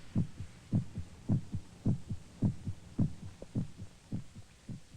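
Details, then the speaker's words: Regular, dull paired heartbeats at about 105 per minute in a very quiet setting, from a 1949 educational film describing hearing one's own heart pounding in a soundproof environment; normal heartbeat. "but before long we hear noises we never really heard before the sound of air molecules beating against our eardrums the sound of our heart pounding against our"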